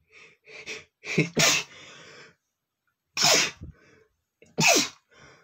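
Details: Adult male sneezing after dust got in his nose: several sharp, explosive sneezes, each after a quick inhalation, some in close succession.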